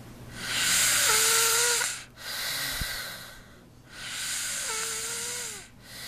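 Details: Person passed out asleep snoring again: loud, harsh breaths with a whistling, rattling quality, repeating about every two seconds.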